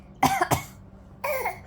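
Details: Young child gives three short, deliberate pretend cough bursts, two close together and one after a pause: voluntary cough.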